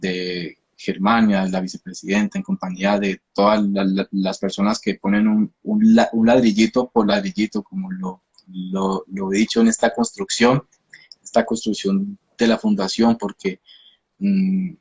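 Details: Adult man from Colombia, a speech therapist who stutters; stuttering.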